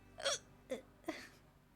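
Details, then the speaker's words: Hiccups in a young Japanese woman live-streaming who can't stop hiccupping: three sharp, brief involuntary gasping catches in under two seconds, each a sudden voiced hic. "やば、ひゃっくりが止まらなくなった。やば、ひゃっくりが止まらなくなったひゃっくりが止まらなくなった。"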